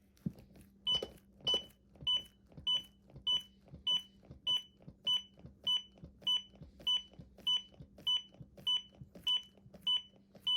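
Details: ZOLL AED Pro defibrillator metronome during CPR: steady, evenly spaced electronic beeps pacing chest compressions at about 100–105 per minute, one compression per beep, with soft compression thumps.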